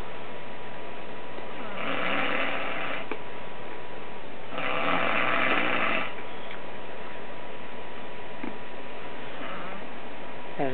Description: This is my step-dad snoring we wake him with a air horn funny.